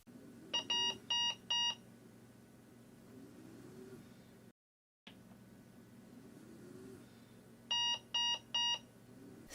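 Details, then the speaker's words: Breas Vivo 65 ventilator medium-priority alarm: groups of three lower-frequency tones repeating after a six-second pause over steady machine hum. "a medium priority alarm is denoted by three signals with a lower frequency than a high priority alarm and the signal sequence repeats after a six second pause"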